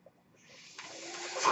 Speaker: That noise you're hearing is my ventilator.